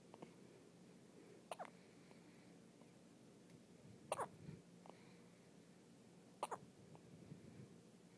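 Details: Newborn a day or two old, still in hospital, with hiccups: three soft, sharp hiccups, each with a small catch, about every two and a half seconds, in a quiet room.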